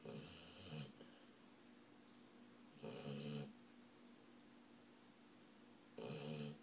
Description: My dog is a heavy snorer.